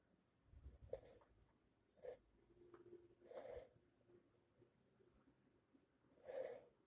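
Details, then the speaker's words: Person sneezing after exposure to body spray: several short explosive bursts of air through nose and mouth with quieter breaths between; a run of sneezes. "I'm gonna sneeze."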